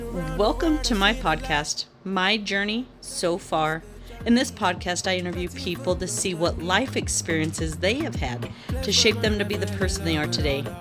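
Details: Adult podcast host; normal speech.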